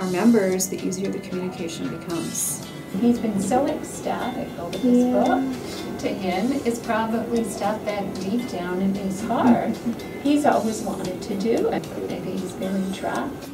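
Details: Adult woman speaking; normal speech.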